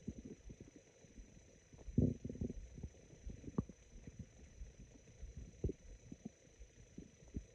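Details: Very sparse, raspy stomach growls: low gurgling and rumbling bursts with quiet gaps. Ordinary bowel sounds (borborygmi).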